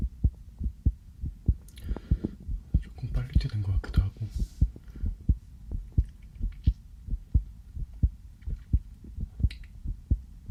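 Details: Own heartbeat via a sensitive stethoscope, possibly somewhat fast after just coming in from outside; normal heart sounds.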